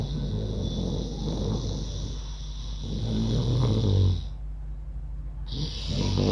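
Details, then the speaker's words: Imitated snoring as a yoga breathing practice for snoring: tongue folded, deliberate snore-like rumbling through the nose on both inhalation and exhalation, felt touching the back of the throat, not sleep snoring. "कुछ लोग आपको ये कहेंगे कि उज्जैन में हमें ओम जैसी आवाज़ निकालनी है, कुछ कहेंगे हमिंग की साउंड निकालनी है, बिल्कुल नहीं, खर्राटे की आवाज़ निकालनी है।"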